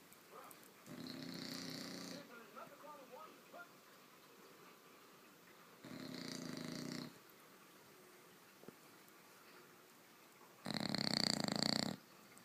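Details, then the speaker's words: Seven-month-old bulldog puppy snoring in deep sleep on a bed: loud, rough, harsh rattling snores about every five seconds. "can you anybody sleep with this snoring and she's in the middle of my bed snoring like that"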